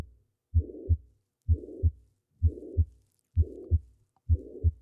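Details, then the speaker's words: Holosystolic murmur on a played heart-sound recording, suggested as likely a ventricular septal defect (unconfirmed); regular heart sounds about 64 a minute with a harsh murmur filling the gap between them. "I have a holocystolic murmur okay okay here it is"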